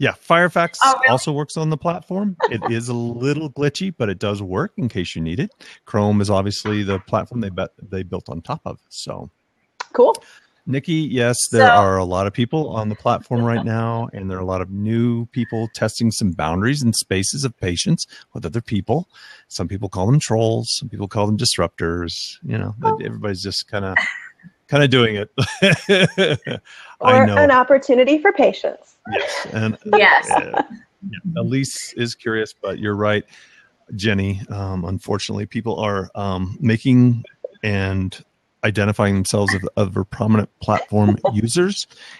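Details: Adult man speaking; typical speech.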